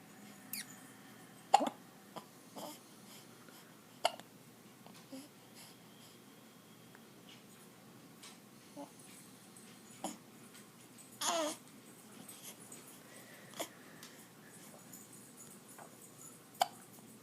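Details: Hiccups: quiet, brief, sharp catches recurring at irregular intervals against a faint room background.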